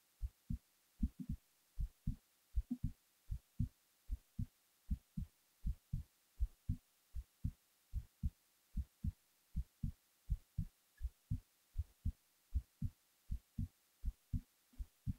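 Steady paired low thumps at about 80 beats a minute in a quiet room: an ordinary heartbeat.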